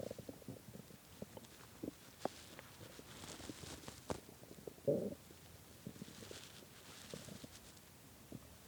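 Irregular low gurgles and rumbles with a louder growl midway, typical stomach growling from an empty stomach.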